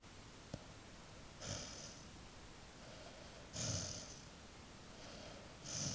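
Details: Snoring while falling asleep: soft, airy snoring breaths about 28 a minute over quiet room noise, with one brief snort at the start.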